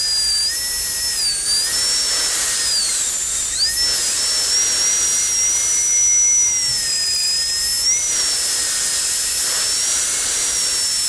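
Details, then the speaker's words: Dental high-speed handpiece with 170L carbide bur reducing the labial surface of a maxillary canine, from incisal to depth-cut level (about 1.5 mm), for a porcelain-fused-to-metal crown; steady high-pitched whine dipping briefly under load. "we will take a 170l carbide and reduce the islands that we have left here on the labal surface we'll start at the incisal and reduce the labal surface to the depth of the Tracer cut"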